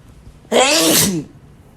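One loud, wet, voiced sneeze burst lasting under a second.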